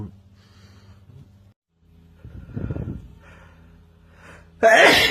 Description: compilation of loud male sneezes